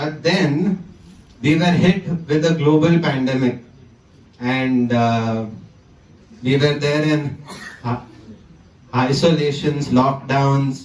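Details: 20-year-old man who stammers, giving a conference talk; stuttering.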